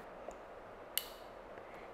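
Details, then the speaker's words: A faint tick then one sharp click as a Turbuhaler dry powder inhaler's base is twisted clockwise and anticlockwise during a pulmonologist's demonstration, signaling a dose is loaded. "you have to move this lever clockwise and anticlockwise until you hear a sound of a"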